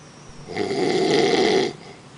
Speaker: This fucking guy, all he does is snore. And he sleeps with his hand in his pants. This motherfucker's so loud I could hear him from my bedroom.